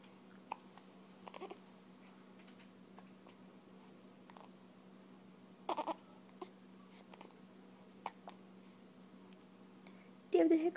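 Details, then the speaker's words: Baby girl with hiccups: an infant gives repeated brief, sharp little catches in the breath, spaced irregularly over several seconds. "hiccups? You got the hiccups?"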